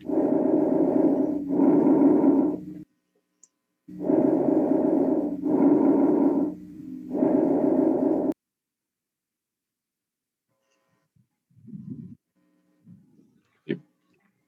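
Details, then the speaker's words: Normal bronchovesicular breath sound, a teaching example from a chest auscultation lecture, described as a mix of tracheal and vesicular breathing: moderately loud breath sounds with equal inspiratory and expiratory phases. "el murmullo vehicular o ruido alveolar y la respiración bronco vehicular que va a ser como una mezcla de los dos anteriores"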